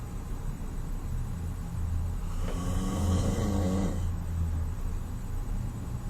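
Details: Adult man (father) snoring in a hotel room: one loud, rough, rattling snore about 1.5 seconds over low rumbling room noise; very loud snoring.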